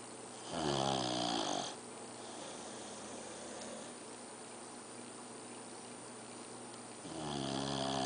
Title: Time to snore